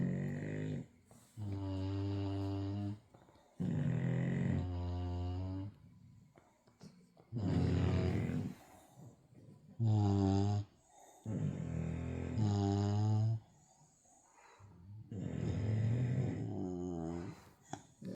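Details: English bulldog puppies sleeping with full bellies on a cold winter night; loud, rattling snores with long low rumbling inhalations roughly every five seconds; typical flat-faced dog snoring.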